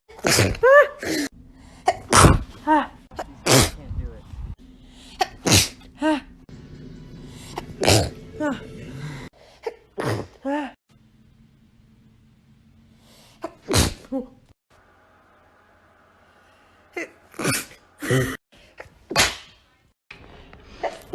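A run of sharp explosive sneezes from several people, some with vocal yelps, cut together with brief background music and noise.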